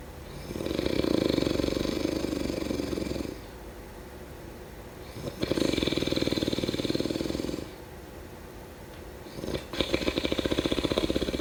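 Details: Snoring: three loud, rattling, fluttering breaths drawn in about every four to five seconds, roughly 13 a minute, with quiet gaps between.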